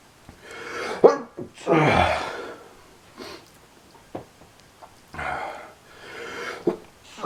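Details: Intense fit of loud sneezing attributed to summer allergies: several loud, explosive sneezes, each preceded by a sharp intake of breath, in a small room.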